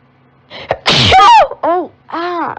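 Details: Allergic girl's sneezing fit, mostly uncovered, starting when she turned on a desktop computer after earlier stifled, muffled sneezes: one loud explosive sneeze with a voiced cry, then exclamations.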